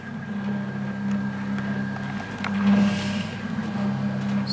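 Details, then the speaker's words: DIY 3D-printed open-source mechanical ventilator (Teensy 3.2 controlled, with Venturi flow meter) set to 20 cm H2O pressure and started: steady mechanical hum and drone with faint clicks while running. "so if we want 24 1 3 click set it and then it starts the working"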